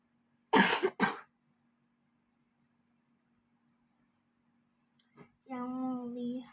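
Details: Two quick, harsh coughs in a quiet room while doing homework, followed by brief speech: cough.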